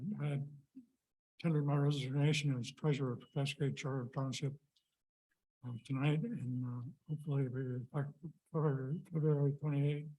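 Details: Adult man with Parkinson's disease whose symptoms worsened after unsuccessful surgery in December; hypokinetic dysarthria (Parkinsonian speech).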